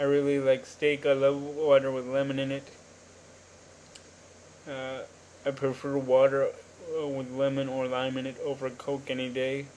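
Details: Adult man with cerebral palsy since birth, attributed to oxygen deprivation in the womb, wheelchair user, cognitively typical by his account; dysarthric speech in cerebral palsy.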